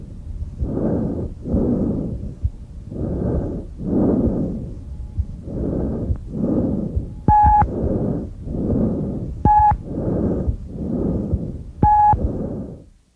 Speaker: tracheal breath sounds not usually auscultate 'add are present over the extra thoracic portion of the trachea they are very loud very high-pitched and have a harsh hollow quality the expiratory phase being slightly longer than the inspiratory phase